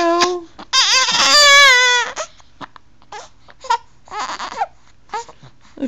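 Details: Infant: loud, high-pitched wailing cry in long bursts with a wavering pitch, broken by short gasps and whimpers; a typical infant cry.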